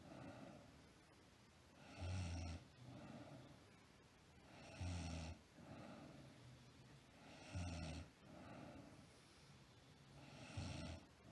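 Rhythmic snoring with louder rasping inhalations about every 2.8 seconds and softer breaths between, around 22 a minute.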